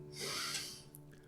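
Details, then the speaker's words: Snoring from a chubby ginger cat, described as lame, sleeping behind a monitor; a single soft, airy snoring breath over a low steady hum and faint music. "if you can hear snoring by the way that's because i've got a little ginger cat who is uh lame sleeping behind my monitor"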